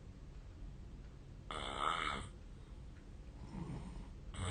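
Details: Real recording of a person's own heavy sleep snoring, made 8 years earlier; the person wonders about a long-standing sleep disorder. A loud, rattling snore on one in-breath, then a pause and the next snore.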